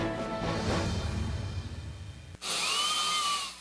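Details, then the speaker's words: After a stretch of music, a high-pitched whine rises and holds: a dental drill running, a sound many dentists are replacing with water lasers. "it's a sound that sends chills down your spine but many dentists are swapping the drill for the laser"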